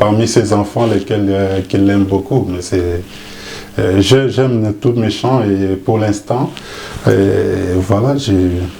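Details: Adult man speaking French; ordinary speech.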